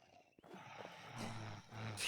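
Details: Sleeping pet gives a low, steady, rough rumble over faint background hiss with a brief clatter; snoring.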